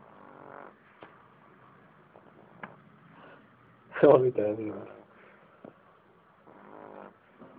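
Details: A sleeping French bulldog snores with rough, rattling bursts and one loud snort partway through; snoring.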